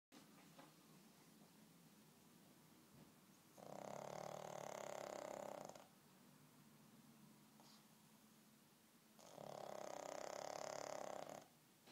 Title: Snoring pug